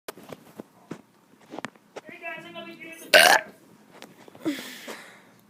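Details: Child deliberately burping: a long, drawn-out voiced belch followed by a loud burst.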